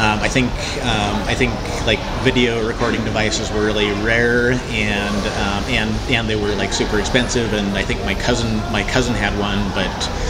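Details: Cluttering in an adult male who was unaware of any speech problem until age 27 and uses self-monitoring as a management technique; typical disfluencies are repeated words and phrases, interjections, revisions and compressed words; cluttering.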